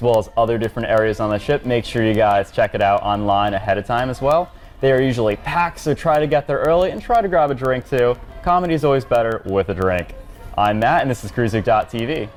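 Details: Adult male speaker; typical speech.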